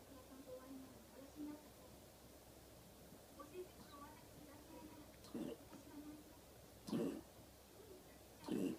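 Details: Cardiac cough in a dog with mitral valve regurgitation: three short, harsh coughs about every one and a half seconds.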